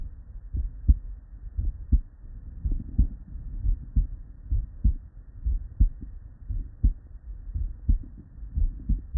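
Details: Real, unedited bedside recording from a human with normal cardiac physiology: steady paired lub-dub at about 60 a minute, clear S1 and S2 with nothing between, normal heart sounds.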